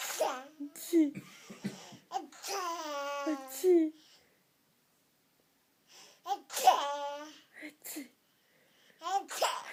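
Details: 9-month-old baby pretending to sneeze: playful, voiced 'ah-choo' sounds between babbles, an imitation rather than a real sneeze.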